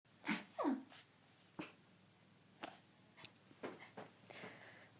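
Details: Best friend's real, unplanned sneeze attack: a sharp sneeze followed by a quick run of smaller snorting sneezes in a quiet room.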